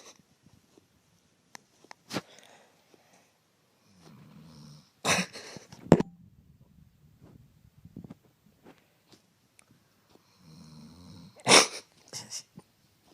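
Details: Sleeping dog snoring, older recording: soft, irregular low rumbling breaths with occasional snorts and sharp nasal puffs, about 11 a minute.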